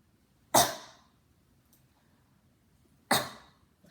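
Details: Airway clearance cough demonstrated in cardiopulmonary physical therapy breathing and coughing techniques: two sharp, forceful single coughs about 2.5 seconds apart to move secretions up and out.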